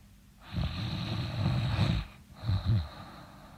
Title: Oog-Oog snoring